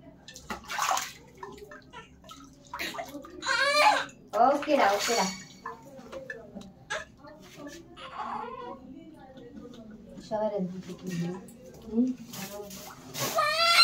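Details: Newborn after a normal delivery, crying while being bathed in hospital: bursts of high-pitched crying between pauses, with water splashing in the background; a vigorous normal newborn cry.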